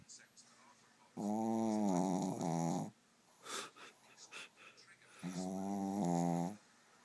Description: My dog teddy snoring away while laying on his back!